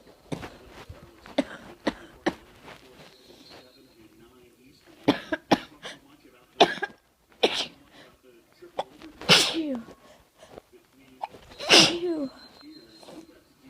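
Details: Congested sneezes mixed with coughs and throat noises, during a head cold that has turned into a chest cold where sneezing triggers coughing; sneeze.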